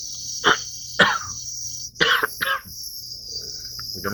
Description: I'm having a dry cough. Asthma attack.